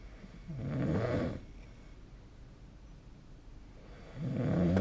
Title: 🐽 いびきの音 / Snoring Sleep Sound 2025/05/21